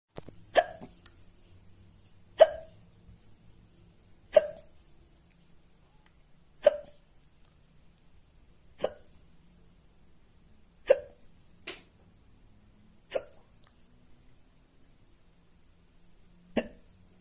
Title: loud and fast hiccups after spicy food #hiccups #fetish #shorts